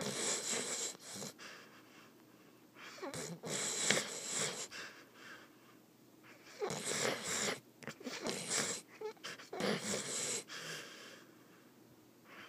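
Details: Loud, rough, hissing bursts of breath, some fast and fluttering, with a wheezy, airy quality from a sleeping Vizsla dog; loud snoring.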